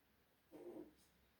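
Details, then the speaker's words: A pet female rabbit sneezes in a quiet room: a single soft, brief snort-like burst. "Et on a ma lapinette qui éternue. Je ne sais pas si vous l'avez entendu."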